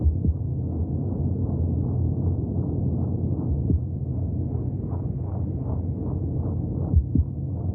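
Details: Fetal heartbeat heard through the womb: steady, rapid whooshing pulses over a muffled rumble, at around 150 beats per minute.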